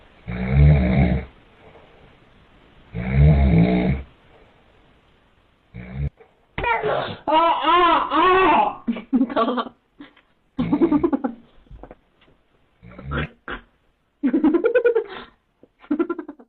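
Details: Two loud, rough low snores, each about a second long, then an infant's fussing vocal sounds, as if the baby dislikes the snoring: snoring.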